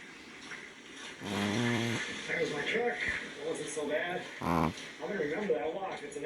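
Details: Female dog sleeping on her back in her owner's arms, giving two loud, rattling snore-like breaths amid outdoor background noise and an overlapping voice; snoring.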